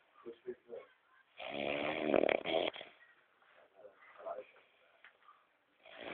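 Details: Loud rough rattling snore between softer irregular breathing from a sleeping brother; snoring.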